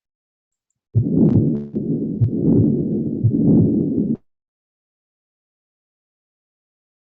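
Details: Continuous machinery murmur (patent ductus arteriosus).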